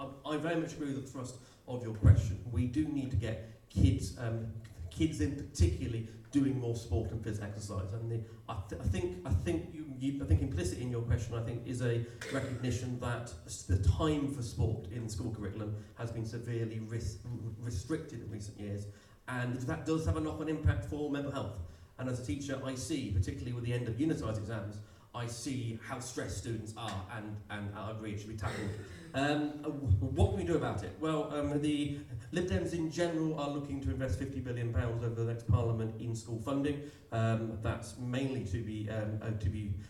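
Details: Stammer in an adult male political candidate who describes himself as openly disabled, speaking at an election hustings; stammer.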